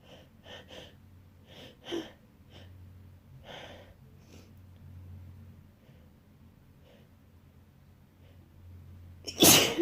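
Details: Person sneezing in bed after waking with a nose tickle: sniffs and catching breaths over a low hum, ending in one loud, wet sneeze.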